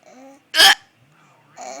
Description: Baby starts laughing at mom during dinner because she has the hiccups.